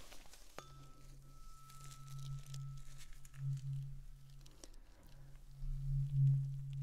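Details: Simulated ear exam ASMR roleplay: a struck tuning fork rings with a steady low pure hum, with crinkling handling noise.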